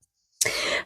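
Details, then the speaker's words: A woman, who just said she needed to sneeze and sneezed three times, gives one sudden, loud, hissing burst of air after a quiet pause: a single sneeze. "Bon, écoutez, chers auditeurs, je me suis reprise de mes 3 éternuements."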